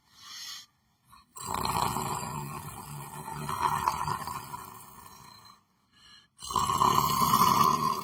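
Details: Person sleeping while sitting in a chair: long, loud, rough rattling breathing noise with brief silent gaps, consistent with heavy snoring.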